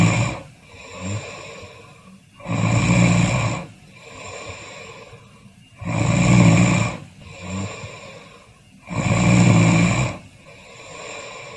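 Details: Snoring during sleep: loud, rough snores on each in-breath with quieter out-breaths between, about 5 breaths a minute.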